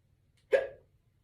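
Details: Woman with morning hiccups, just woken and doing her hair while getting ready for work: a single abrupt, voiced hiccup with a short squeaky tail in a quiet room.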